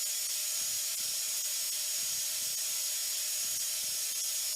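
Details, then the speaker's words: Dental drill with water spray (simulated) on a haptic virtual-reality dental training simulator: a steady high-pitched hiss with a faint whine. The student cuts a floating handheld tooth using a mirror to learn reverse vision. "so there's a mirror so they learn to cut and reverse vision and I hope you can hear the drill and you can see that it even replicates the water spray"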